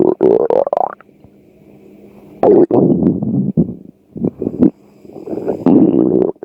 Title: Açlık sesleri 2 - stomach growl-